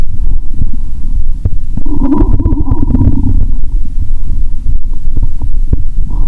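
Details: Stethoscope over a bloated belly: low gurgling and rumbling with scattered bubbly pops as gas and fluid move; bowel sounds (borborygmi).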